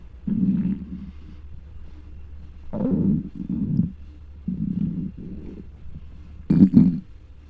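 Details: Adult with an extremely hungry, empty stomach, microphone on the abdomen: low gurgling rumbles in several bursts; hunger bowel sounds (borborygmi).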